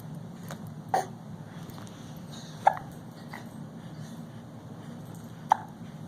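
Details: Almost 5-month-old infant sitting in a Bumbo seat: three short, abrupt hiccups about two to three seconds apart against a low background hum. Infant hiccups.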